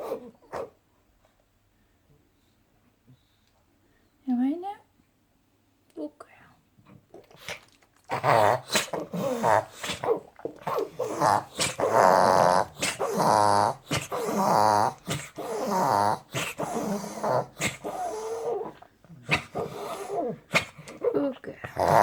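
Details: Dog reverse sneezing, recorded before anabolic steroid treatment: a rapid run of loud, honking snorts as air is pulled sharply in through the nose.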